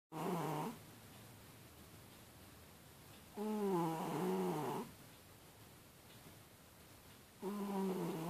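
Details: Cat snoring loudly, compared to a wild boar: slow, whistling snores with a rising and falling tone, about 15 breaths a minute, in a quiet room.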